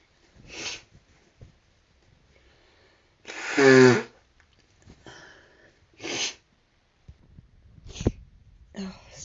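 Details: Several sneezes in a row from an adult, one loud explosive burst among smaller ones, with sniffs in between.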